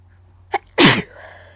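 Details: Person with an itchy, tickling nose: a short catch of breath, then one forceful, wet-sounding sneeze burst, low room hum in background; sneeze.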